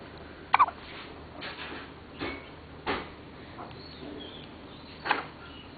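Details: Hiccups: brief, soft, sudden catching sounds repeating every second or so in a quiet room.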